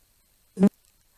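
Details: Vowel onset with a small 'h' placed before the vowel; laryngeal video shows about eleven vocal fold oscillations before very soft contact of the left and right folds; soft glottal attack.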